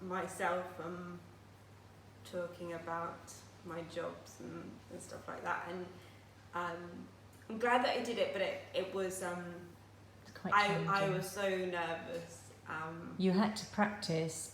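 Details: Aphasia in a woman who had a stroke at age 18, now living with it for 10 years; she still finds speech and reading difficult.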